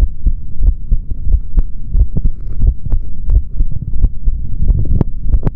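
Dull, thudding heartbeats through a stethoscope at roughly 90 a minute, with rumbling body noise behind them.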